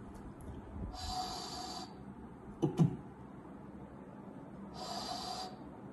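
Voiced imitation of a mitral regurgitation murmur: a steady soft hiss ending in a thud, repeated twice.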